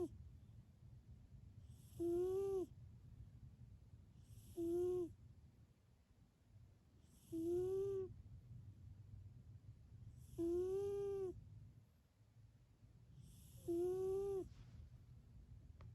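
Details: Snoring in a sleeping cat: five squeaky, whistling snores at about 20 a minute, each a high nasal squeak over a quiet breathing hum.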